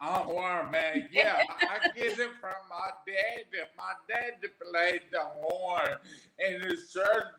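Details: Adult man, 41, with aphasia after three strokes, the first at age 27 caused by an arteriovenous malformation, about 13 years ago; aphasia.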